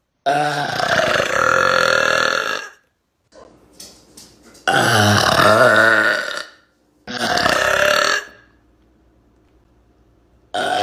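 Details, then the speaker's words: Person burping without drinking anything, excusing it as something in the throat: three long, loud, deep belches with short pauses between them. "you have to excuse me I had something in my throat where are my manners I had like something in my throat"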